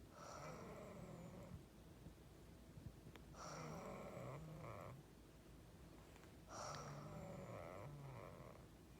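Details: Child snoring while asleep with eyes open: slow, rhythmic rumbling snores on each breath in, quieter pauses between, against steady background hiss.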